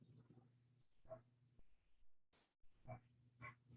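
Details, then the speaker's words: A dog that coughs a lot (owner says he's okay) gives a series of short, rough coughing bursts, faint behind a low electrical hum during a meeting. "And I apologize for the coughing. It's my dog. He's okay, but he coughs a lot. So that's what that sound is."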